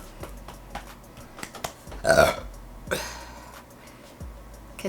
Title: Cute Girl Chugging Diet Coke and Super loud burps!!!